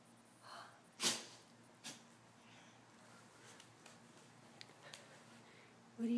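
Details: Sneezing while rolling around and snorting: one sharp, sudden sneeze, then a softer snort, over quiet room noise.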